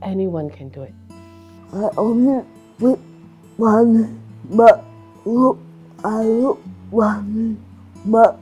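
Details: Adult woman with cerebral palsy and restricted movements; dysarthria (cerebral palsy).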